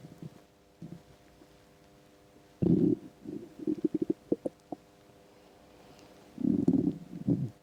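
Low gurgles and a run of quick bubbling pops, with a steady faint hum behind: stomach rumbling from an empty stomach, a normal sound.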